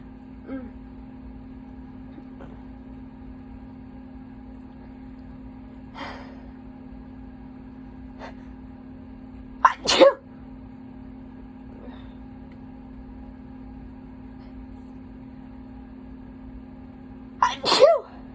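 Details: Two forceful wet sneezes, each preceded by a quick in-breath, over steady humming; person who held back sneezes all day and induced them, tissue soaked; sneezing.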